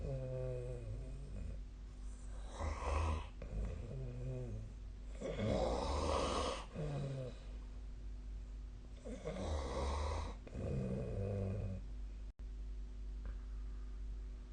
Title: 🐽 本日のイビキ / Snoring Sleep Sound 2024/12/23